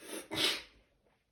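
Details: Sneeze, possibly at the start of a cold: a quick inward breath, then one explosive, hissy sneeze trailing off into quiet.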